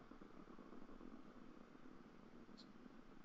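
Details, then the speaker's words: Quantitative needle EMG demonstration in a patient, with the needle inserted during very slight contraction for interference pattern analysis: dense low rumbling crackle from the EMG loudspeaker; the pattern looks slightly neurogenic, as expected in this patient. "you you see the the distribution uh to the right it looks slightly neurogenic which is just expected in in in this patient"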